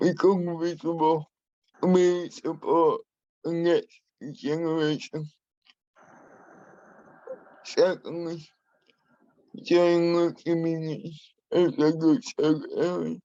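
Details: Adult man with spastic and dyskinetic cerebral palsy who uses a wheelchair; he has a speech impairment he has worked hard to minimise and continues to practise; dysarthria due to cerebral palsy.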